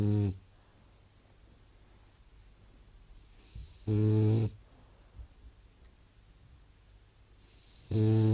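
Loud, low rumbling snores about every four seconds, roughly 15 a minute, with quiet breathing between them.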